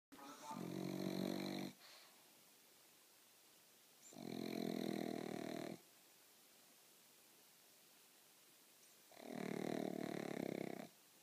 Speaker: new snoring pup. Ella. This is why we get no sleep. Every night.